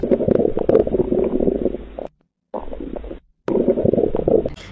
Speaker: Next is hyperactive bowel sound which is high pitch and frequent which is most commonly seen after eating early which indicate bowel obstruction, gastroenteritis and diarrhea.